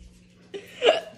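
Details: Repeated hiccups during a prolonged hiccup attack, each sounding different, one with a squeak.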